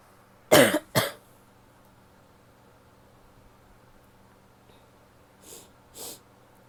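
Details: Female coughing in a quiet room: two loud, sharp coughs, then two softer, breathy coughs a few seconds later.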